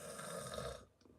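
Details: A man asleep on a couch snores, heard in the background of a live stream: a single loud, rough, rattling snore under a second, fading into quiet room noise.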